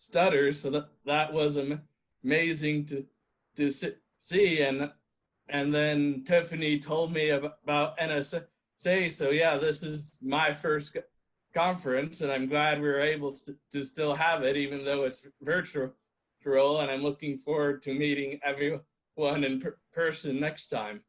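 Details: 27-year-old who self-identifies as a person who stutters, speaking at a stuttering association online open mic; real, unscripted speech showing stuttering.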